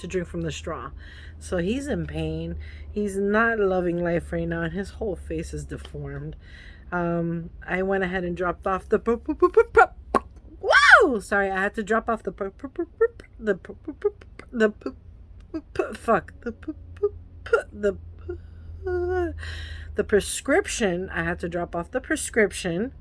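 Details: Adult woman with Tourette syndrome whose tics act up when she records herself; a burst of repeated vocal tics and an expletive break up her sentence. Vocal tics with coprolalia.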